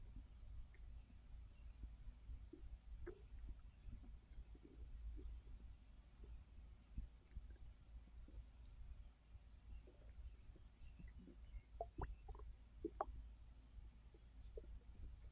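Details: Adult resting on a full stomach after overeating following a gummy: faint gurgles and soft squeaks over a low rumble, scattered irregularly, bowel sounds (borborygmi) of active digestion.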